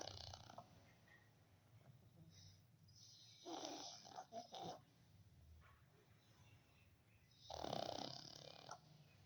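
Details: Sleeping pug, a small flat-faced dog, snoring: a few snorting, rattly breaths a few seconds apart against a quiet background.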